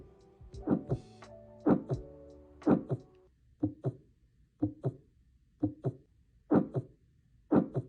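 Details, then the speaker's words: Heart murmur heard as a soft whooshing or blowing sound near paired heart sounds at about 60 a minute, caused by turbulent blood flow across the heart valves; systolic or diastolic timing not stated. "heart murmur sound like whooing or blowing and are caused by turbulent blood flow across the heart vales"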